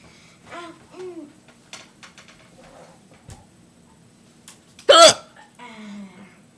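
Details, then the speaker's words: Painful, persistent hiccups: repeated abrupt hiccup sounds, one loud and deep enough to shake the computer, mixed with brief voiced sounds and soft laughter. "my computer is moving every time my hiccup it shakes o that was a deep one just keep on coming never going to"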